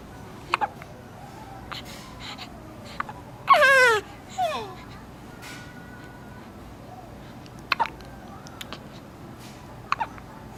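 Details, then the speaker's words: A baby gives several brief, sharp, isolated clicks spaced seconds apart, with one squeaky vocal sound between them, over quiet room noise. The hiccups are still ongoing. Hiccups. "好厉害哦，好会打嗝哦。忍耐一下，忍耐一下，很快就打完了。"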